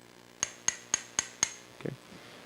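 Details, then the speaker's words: Five sharp metallic taps about four a second, then a soft knock, as an awl is tapped into bone at the edge of the humeral head during arthroscopic shoulder surgery to create the first bone socket. "This is an awl, and we're going to use this to make our bone hole. So we're going to put the awl right here at the edge of the ball of your shoulder. Now you're going to hear some tapping."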